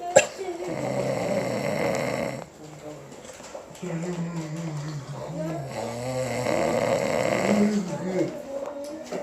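Long, rough, rumbling breaths drawn in during sleep, repeating in slow cycles: snoring.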